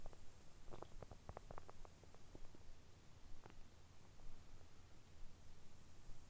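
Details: Stomach recorded early morning after downing a glass of milk in one go on an empty stomach; soft gurgling and bubbling clicks over a low hum; ordinary bowel sounds (borborygmi).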